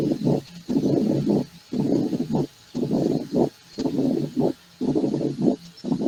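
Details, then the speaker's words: Mitral stenosis heart sound played in an internal medicine lecture: low, rough rumbling repeating about once a second, each building toward its end before a short quiet gap. Diastolic rumble. "muy bien ya se cansado de escuchar el soplo ahora seguimos con la clase entonces decía que es el soplo diastólico que se escucha como si ustedes visto como si ustedes están en la playa"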